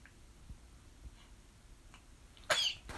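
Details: 38-day-old baby at home: a quiet room, then one sudden, brief sneeze near the end, alongside cooing.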